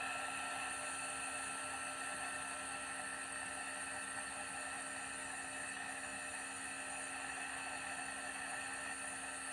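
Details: Nebulizer compressor used as steam therapy for a baby's phlegmy cough: steady mechanical hum with a constant whine throughout.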